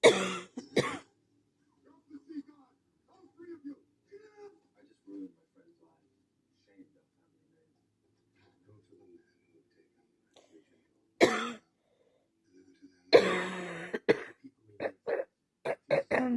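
Harsh coughs come in clusters, with a run of several close together near the end and quiet breathing between the bouts: a coughing fit.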